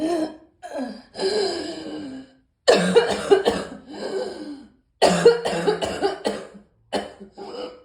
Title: Morning Cough